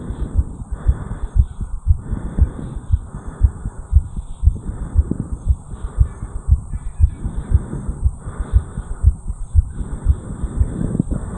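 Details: 34-year-old man recorded at the mitral area after jogging up a flight of stairs: strong, forceful, regular heartbeats at about 118 per minute; sinus tachycardia after exercise.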